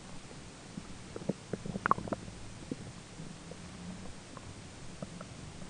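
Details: Adult's own belly recorded during digestion, roommate talking in background: soft scattered gurgles and clicks, briefly clustered, over steady hiss and a faint low tone; ordinary bowel sounds (borborygmi).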